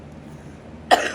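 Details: Adult with a chronic cough after a bad lung infection, using a nebulizer and inhaler, with chest congestion: quiet room, then one abrupt, harsh cough at the very end, cut off.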